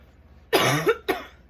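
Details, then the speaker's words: Adult woman not fully recovered from recent sickness, coughing set off by talking: two short, voiced throat-irritation cough bursts in a quiet room. "See, I haven't been coughing that much, but now I know talking is going to do it to me."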